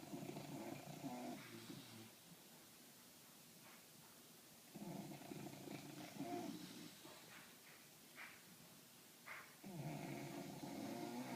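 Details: Two sleeping English bulldogs snoring loudly, described as synchronized: loud, rasping snores in long drawn-out breaths with quieter gaps between them; heavy snoring.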